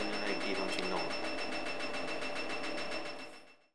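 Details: Picosecond laser machine (1064/532 nm) firing during facial spot-removal treatment: rapid steady clicking pulses about four a second over a constant high tone, fading out; picosecond laser firing.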